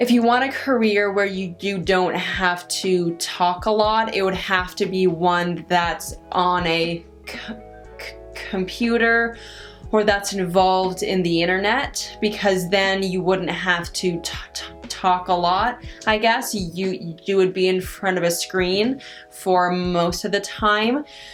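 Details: Adult woman with stuttering, which she says varies with her stress and anxiety; stuttering.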